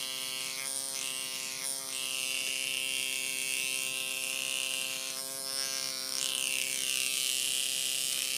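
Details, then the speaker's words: Microneedling pen on a client's face around the nose and upper lip, needle depth lowered to 0.25 for sensitive areas; steady buzzing hum, pitch shifting slightly as it moves over skin, soft music behind. "let's take it down to 0.25 okay so I'm going to take this I'm going to line it up 2.25 then make a little bit more noise"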